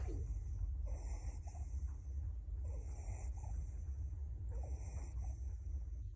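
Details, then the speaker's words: Wheeze in a child, from a pediatric lecture on abnormal breath sounds: three breaths with a high, whistling musical tone over low rumbling noise, from narrowed lower airways. "Đây là tiếng thở bất thường của đường hấp dưới chủ yếu chỉ thở ra là có thể hai thì có thể nghe được bằng tai hoặc có nghe và chủ yếu nghe là triệu chứng của nhiều bệnh lý khác nhau"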